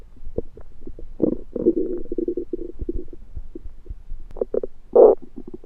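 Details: Belly sounds that began suddenly after eating a home-cooked meal the person thinks was undercooked: gurgling, bubbling bursts with a louder rumble near the end. Active bowel sounds (borborygmi).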